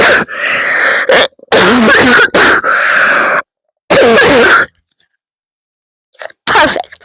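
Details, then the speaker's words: A run of loud, harsh, forceful coughs with throat clearing between, then a pause and one more cough; the first cough bout of the day, so hard the person was crying, no cough medicine taken; described as normal coughs. "That was a good one. I'm literally crying cuz of how hard I coughed."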